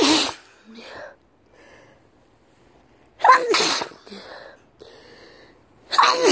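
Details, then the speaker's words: Three sharp, explosive sneezes from a sick person after sniffing powder, each preceded by a short indrawn breath, with quiet gaps between; a bout of repeated sneezing. "So, I'm pretty sick, and I decided to sniff some powder, and it's fucked me up."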